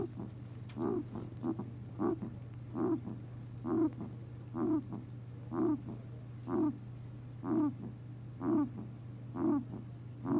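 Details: 4-year-old male guinea pig with recurring noises persisting after a vet visit; owner unsure whether coughing or sneezing; short grunting, honking bursts about once a second over a background hum.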